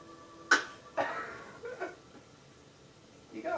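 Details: Child sneezing: a sharp burst then a second explosive sneeze, followed by faint voice sounds.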